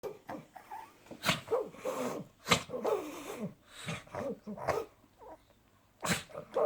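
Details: Small dog reverse sneezing, recorded before anabolic steroid treatment: repeated snorting, honking inhalations in quick bursts.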